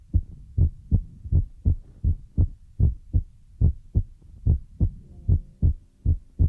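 Steady, deep, thudding beats at about 78 a minute, with soft noise between them. A heartbeat sound played for relaxation.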